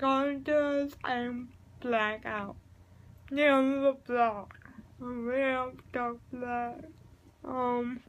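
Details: Adult female speaker; dysarthric speech (cerebral palsy).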